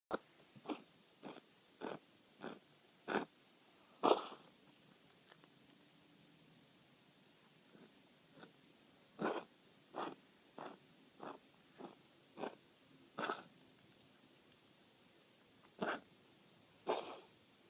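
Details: Cat, not a hairball; vet thinks feline asthma: repeated short, dry hacking coughs in bouts; feline asthma cough.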